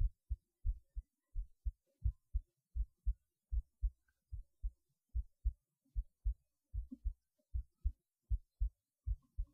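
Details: Heartbeat through a cheap acoustic stethoscope: regular low thumping at about 76 beats a minute, paired first and second sounds.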